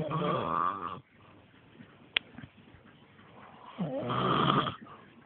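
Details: Father snoring while sleeping outdoors on a trampoline: two loud, rumbling snores roughly four seconds apart with quieter breathing between; heavy snoring.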